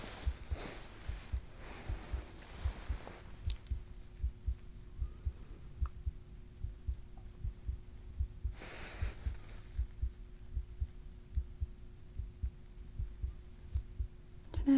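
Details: ASMR medical roleplay cardiac exam with a stethoscope on the chest while the patient takes deep breaths: soft, steady low heartbeat thumps with a faint hum and rustling, normal heart sounds.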